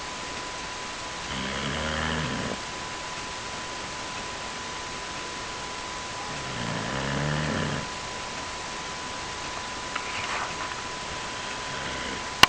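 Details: Dog snoring: two slow, rattling snores about five seconds apart over heavy background hiss.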